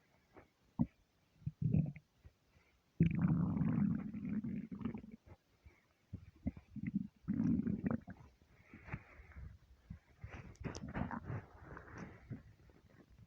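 Irregular low gurgling and rumbling bursts from the belly; stomach rumbling on an empty stomach, a normal sound.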